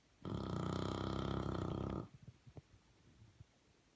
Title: Crazy english bulldog, what she did all day, snoring, turn up volume